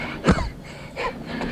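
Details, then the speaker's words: Adult doing a 16-minute nonstop CrossFit workout of pull-ups and burpees, recorded by a chest-mounted GoPro: rapid, forceful, hyperventilating gasps with a slight wheezy edge, heavy breathing after exercise. "You can hear me just like hyperventilating. I'm trying to push the pace a little bit."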